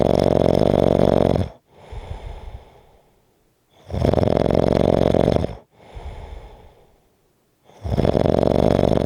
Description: This is a 4 1/2 minute clip of snoring.